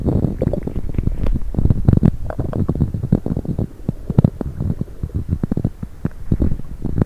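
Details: Borborygmi after drinking coffee and diet coke: continuous gurgling, bubbling and rumbling from the belly.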